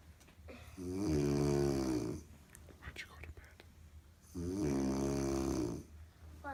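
Two long, loud, rattling snores on the in-breath, separated by a quieter out-breath; ordinary heavy snoring.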